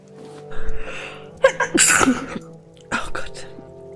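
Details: A sneeze from a person who has a big cold: sneeze.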